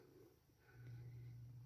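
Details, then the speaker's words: A pet held on the owner's lap snoring, heard faintly behind talk about a crochet project. "if you can hear he 's on my lap here he's snoring I had to pick him up so he wouldn't climb on the table"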